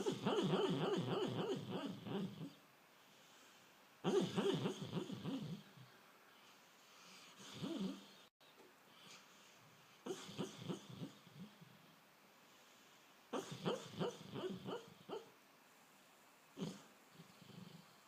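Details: Sleeping dog dreaming: bursts of rapid, rhythmic muffled whimpers and snuffly breaths separated by quiet; normal sleep vocalizations during dreaming.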